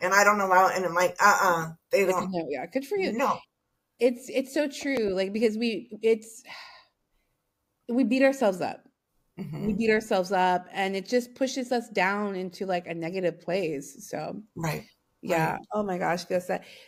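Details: Adult women in conversation; ordinary speech.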